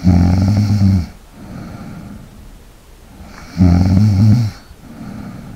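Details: ASMR snoring recording for relaxation and sleep, with light breathing: two deep rattling snores on breathing in, about 3 seconds apart, with softer breathing out between; ordinary snoring.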